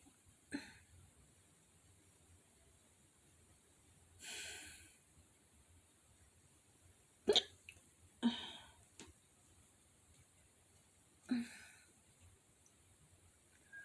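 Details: A short burst of hiccups, the first in a long time: sharp, brief hiccup sounds at uneven intervals, about five in fourteen seconds, over a quiet background hum.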